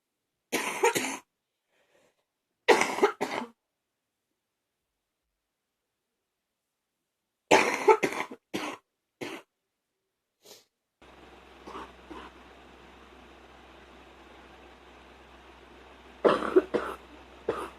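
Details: An adult coughs in several short bouts of two or three coughs separated by silences.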